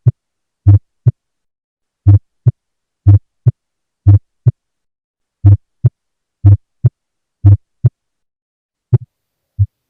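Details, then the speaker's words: Steady heartbeat near 60 a minute, heard with stethoscope; the first sound of each beat is doubled: split first heart sound. "This kind of sound is produced when there is Splitting of First Heart Sound"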